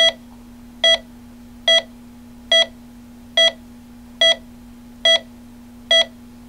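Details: Hospital heart monitor sound effect from a library track, flat line to normal rate: steady electronic beeps at about 70 a minute over a constant low hum, tracking a normal heart rate.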